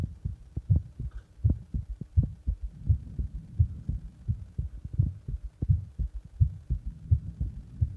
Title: My heartbeat after press my heart